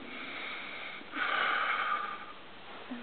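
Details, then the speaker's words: Adult blowing out forcefully while receiving manual chest vibration in a massage demonstration: quiet breath noise, then a loud, slightly fluttering forced exhalation, technique used in infant bronchiolitis to loosen secretions. "C'est ce que tu fais sur les bébés quand tu veux essayer de fluidifier les sécrétions. Quand il a une bronchiolite, ouais."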